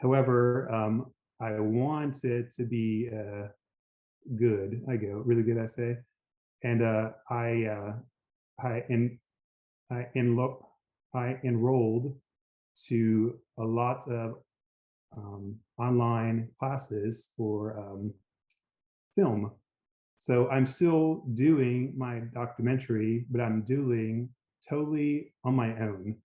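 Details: Aphasia in an adult woman after a gunshot wound to the head in January 2011; she reports the words are in her brain but she can't get them out; speech short and effortful.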